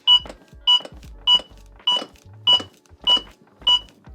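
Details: Zoll AED Plus training version after shock delivery: regular high electronic beeps at about 100 per minute, the CPR metronome pacing chest compressions, with real-time feedback on compression depth.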